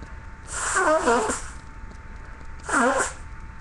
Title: few sneezes, stiffles, sniffing and noseblow